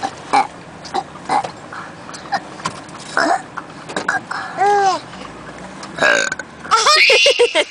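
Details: Young boy burping on purpose: several short burps followed by bursts of laughter.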